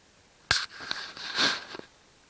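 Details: Induced sneezing in a person with no allergies or hay fever: two sharp, hissing bursts of air through the nose and mouth in a quiet room.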